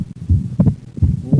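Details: Heart sounds with patient breathing in and out on command; split second heart sound due to right bundle branch block.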